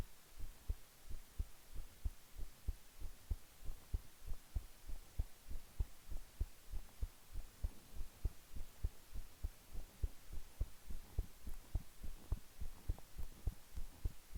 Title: (Use headphone) Resting heartbeat sound